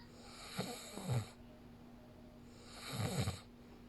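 Two low, rattling snores with soft breathing noise between them; ordinary snoring during sleep.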